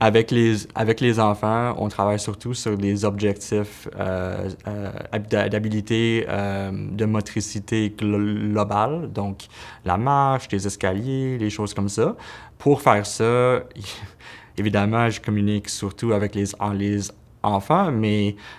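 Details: Adult man who identifies as a person who stutters, speaking French: stuttering.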